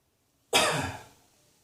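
A single sharp, forceful cough burst that fades quickly in a quiet room.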